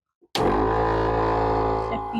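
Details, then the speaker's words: Home suction machine being troubleshot for a blue-lid canister with an internal filter. The tubing is removed and the port on the machine is covered. A steady low motor drone starts abruptly, and the gauge should rise to the top if suction pressure is optimal. "we would like you to go ahead and cover the port that is on the section machine itself turn on your"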